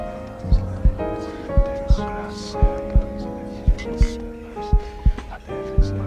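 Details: A slow, quiet heartbeat sound effect of regular paired low thumps, about 57 beats a minute, mixed under soft piano-bar relaxation music meant for sleep and meditation.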